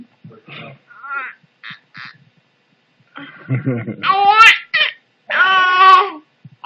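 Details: Mother's hiccups, baby laughing at them.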